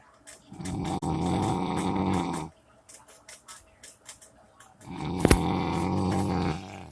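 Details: Two long, loud, rumbling breath sounds with quiet gaps and small clicks between them: a sleeping dog snoring.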